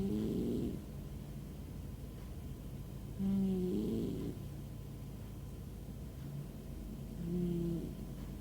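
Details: Pet named Ben snoring like an old man while asleep: low, throaty snores repeating irregularly, about 17 a minute, over a steady room hum.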